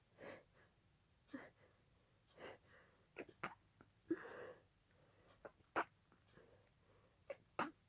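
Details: Sneezing fit continuing from an earlier fit and lasting about 20 minutes at this speed: about ten short sneezes, some soft and some sharp, with barely a pause; paroxysmal sneezing.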